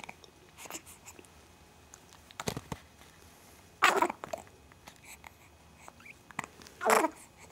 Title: Hiccups